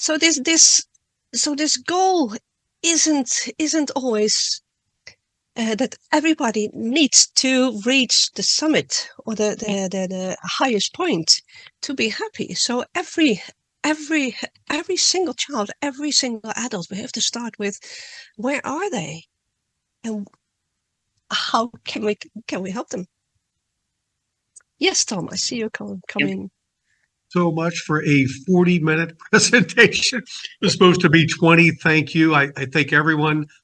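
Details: Adult woman who stutters, reading a prepared talk; word and part-word repetitions; stuttering.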